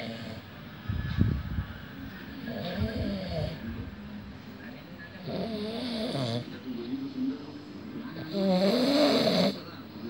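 Repeated rough, rattling snores with loud wavering tones, several over ten seconds, amid faint room noise.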